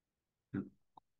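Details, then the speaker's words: Imitated succussion splash made by rocking a half-filled one-litre bottle, taught as a sign of high intestinal obstruction: a single low sloshing splash of liquid and gas, then a faint short knock. "agarren ustedes una botella de de un litro de gaseosa o de cualquier cosa y llenen a la mitad suena así más o menos no sé si se estará escuchando eso es sucusión intestinal"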